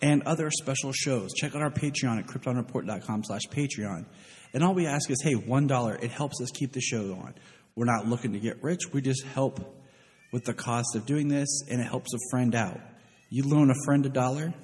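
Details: Adult man; normal adult male speech.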